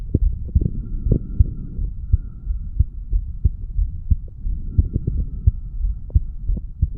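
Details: 35-year-old man's heartbeat recorded at the mitral (bicuspid) valve area after weight training, about 90 beats a minute with a low hum: heart sounds after exercise.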